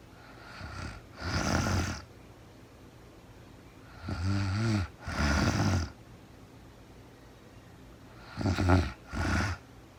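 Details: Real-time recording of a woman asleep at night after being very tired, no talking, described as REM sleep: rough, rattling snores on breathing in and out, paired, about 15 a minute, in a quiet room; snoring.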